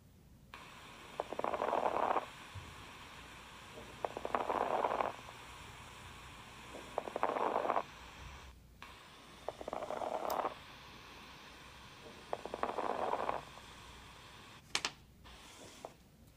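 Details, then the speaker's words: Fine crackles (rales): regular breaths with brief high-pitched crackling pops at end of inspiration, like Velcro ripping, from alveoli popping open; associated with heart failure. "another abnormal lung sound are fine crackles or rails um the cause of this is Al VII popping open on inspiration a good description of fine crackles would be a velcro being ripped apart hurt at the end of inspiration"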